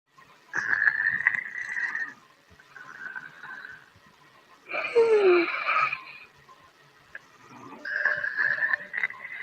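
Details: A sleeping dog's breaths carry a nasal, whistling rasp on each cycle, with one louder snort-like breath: snoring.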